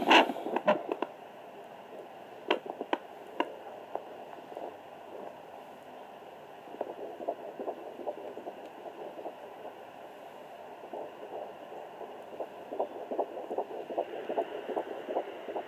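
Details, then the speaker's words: Fast, regular whooshing fetal heartbeat at 12–13 weeks of pregnancy, picked up by a home handheld Doppler after some probe scraping and crackle; mother is sitting up slightly, and the rate is somewhat slow while the baby is not moving. "so there is the baby's heartbeat and it's a little sow right now because the baby's not moving around"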